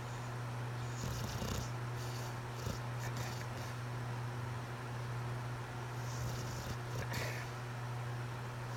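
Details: Bailey, a pet napping outdoors on a hot summer day, snoring with a low, steady rumbling and soft breathy surges every few seconds over faint outdoor noise.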